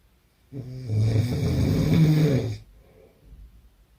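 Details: Hard snore: one loud, harsh, low rumbling snore lasting about two seconds, then quiet; heavy snoring.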